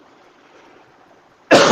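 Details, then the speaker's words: Adult with a chest illness, sore chest and body, bubbles heard in breathing, now coughing and wheezing: one abrupt loud cough after quiet room noise, bringing up phlegm: productive cough. "Coughing and hacking and wheezing. At least the shit's coming up now."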